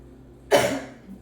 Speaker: I may cough, I may have to clear my throat, I have a little bit of a cold the past couple days.